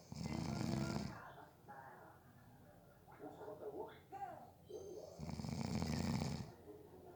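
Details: Loud, rough, rattling snores on in-breaths with quieter breathing between, from a person who fell asleep within about 30 seconds during a nap; ordinary snoring.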